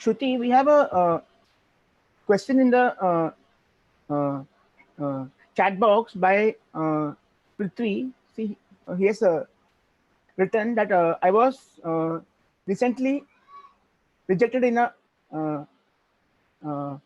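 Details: An adult who stammers, with repeated "uh" fillers and word repetitions; finding: stuttering.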